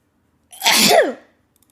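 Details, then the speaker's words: A girl's allergy sneeze: a single sharp sneeze with a brief inhaled lead-in, then a loud burst of air and voice in a quiet room. "that's me everybody she sneezed at 1 minute 54 seconds oh and again double whammy at50"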